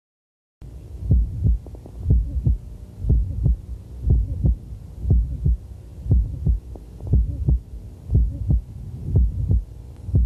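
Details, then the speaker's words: Dynamic subaortic stenosis (hypertrophic obstructive cardiomyopathy): regular heart sounds about 59/min, somewhat loud S1 and a short, squeaky, high-frequency systolic obstruction murmur, usually loudest along the left sternal border. "we start left ventricular ejection we have ejection obstruction and leak and we can have a murmur due to the obstruction which will give us the short squeaky high frequency murmur that's usually loudest along the left sternal border"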